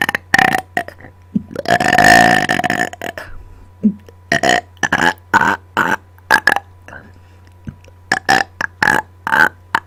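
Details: Intentional burping on command directly into microphone after dinner: a run of loud, voiced burps, some short and one long and drawn out, over a low hum.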